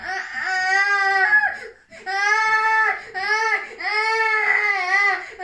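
Rhythmic, full-voiced infant cries in long bursts with brief breaths between, a loud, clear cry.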